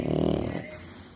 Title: Lava snoring lol